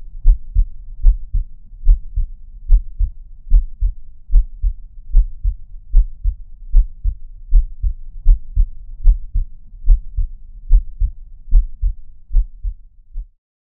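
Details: A steady, regular heartbeat at about 74 beats a minute, each beat a clear lub-dub pair, in a heartbeat sleep recording with no talking.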